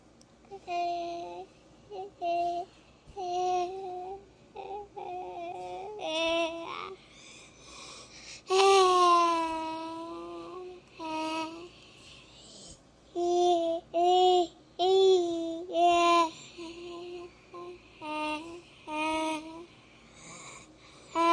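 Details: Young child on a ventilator; Vocalization while on mechanical ventilation.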